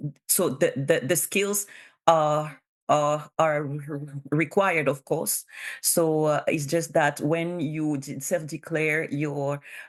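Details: Bilingual adult woman who stutters, speaking in a real conference presentation, consistent with stuttering.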